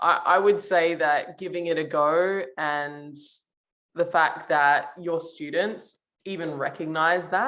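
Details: Adult woman speaking; normal speech.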